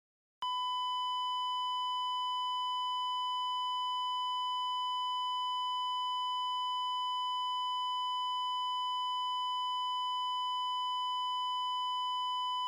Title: Heart Monitor Flatline - Sound Effect(HD)